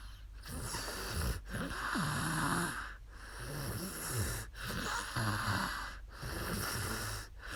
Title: 2019/4/2 ツイキャス お姉さん いびき/sleep stream snoring girl